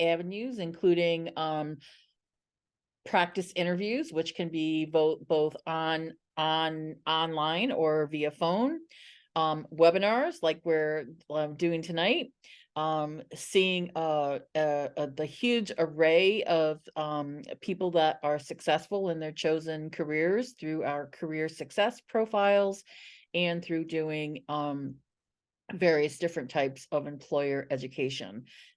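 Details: Adult man who stutters and describes his own stuttering as blocks and repetitions; real speech in a live webinar with repeated words and phrases, showing stuttering.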